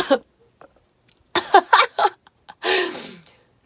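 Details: Coughing in an adult female singer during a live stream; a run of short, sharp coughs ending in a longer, harsher cough-like exhalation, a brief coughing fit.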